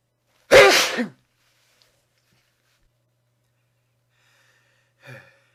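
One loud, forceful sneeze with a short burst of breath, then quiet and a faint breath or sniff. An ordinary single sneeze.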